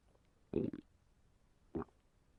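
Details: Simulated stomach rumbling of a fictional animated robot character with an upset fuel tank while lying down: two short, low gurgling rumbles over quiet room noise, like bowel sounds heard close to the belly.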